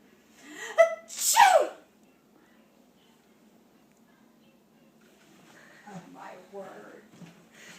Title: Sneezing -August 2013